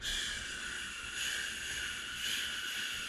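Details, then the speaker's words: Continuous rushing machinery murmur that swells and fades about once a second without pause: continuous murmur of patent ductus arteriosus, heard through systole and diastole. "the third situation where we can hear diastolic murmur would be in a patient with the patented ductus arteriosus where we get a continuous two and flow murmur like"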